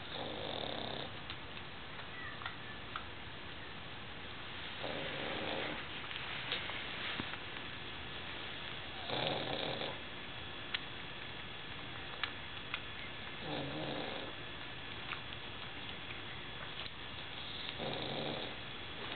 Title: dog grooms cat while pug snores